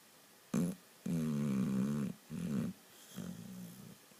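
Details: Several loud, buzzing, rattling breath sounds in quick succession from a sleeping female Boxer dog: snoring.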